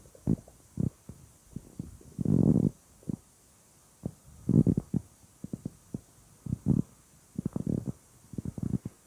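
Repeated gurgling, bubbling rumbles with brief squeaks in irregular bursts, about 28 a minute; active bowel sounds, stomach growling.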